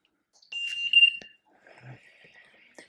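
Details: Steady high beep followed by a softer chirp as a home ventilator is switched on after its user changes the tubing circuit; normal startup alarm.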